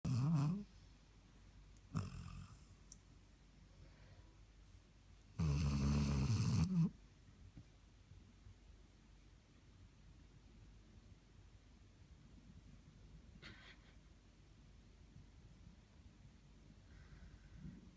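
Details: Sleeping dog snoring: a few low, rumbling snore sounds separated by long quiet stretches with faint room noise.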